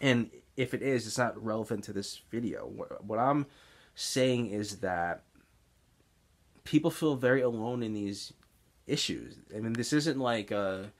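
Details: Adult man with Tourette's syndrome and stuttering, mainly speech blocks seen as excess or mid-sentence pausing, especially on words beginning with S; stuttering (speech blocks).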